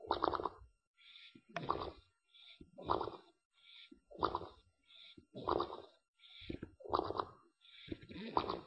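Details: Snoring English Bulldog sleeping in the afternoon, rhythmic noisy breaths about 45 a minute with a fluttering, puffing noise out the side of his mouth.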